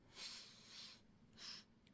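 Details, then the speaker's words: Two soft, airy, snuffling breaths from a sleeping dog lying by the speaker's feet, heard as light snoring in a quiet room. "у нас урчание услышите не удивляйтесь рыжик тут возле моих ног лежит спит облюбовал Он это место теперь там и спит мягко хорошо Да постелили ему внизу Наши собаки храпят как дедушки старые"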